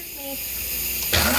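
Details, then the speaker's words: Sneeze from an adult while handling dried peppers during home canning: a brief vocal sound gives way to a sudden, sharp, noisy burst of air. "like the, oh, I'm going to sneeze. Excuse"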